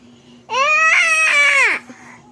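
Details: Young child crying: one sustained, clear cry that falls in pitch at the end, with quiet room noise around it; crying.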